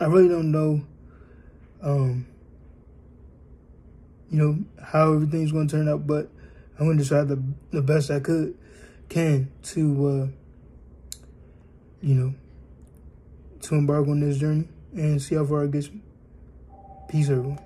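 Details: Adult male born with cerebral palsy, 3 months premature, aiming to improve his standing, walking, talking and cognitive abilities; dysarthric speech in cerebral palsy.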